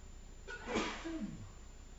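A single short, stifled sneeze, a quick in-breath and then a burst of air, in a quiet room.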